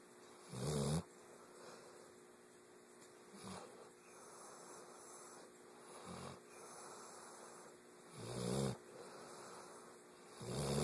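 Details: Low rumbling snores recurring every few seconds, about 12 a minute, over quiet room noise; snoring.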